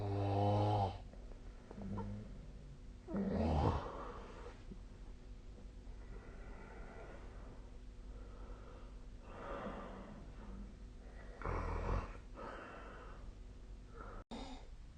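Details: Sleep recording made with the SnoreLab snoring app: several low rattling snores, some harsh and some quieter, over a steady room hum; ordinary snoring.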